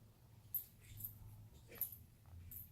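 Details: Young, baby-like female capuchin monkey with hiccups: soft, brief, sharp catches recurring about once a second over a quiet low room hum.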